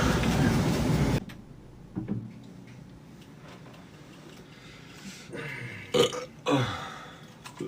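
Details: Adult man on TikTok Live gives a long, loud, rumbling belch, then several shorter burps with quiet gaps between them; repeated belching (eructation).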